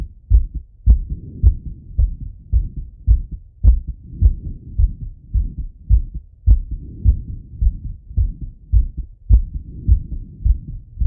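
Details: Male, self-auscultation with stethoscope after a workout set: strong, regular lub-dub heartbeat about 105 per minute; normal heart sounds at raised rate after exercise.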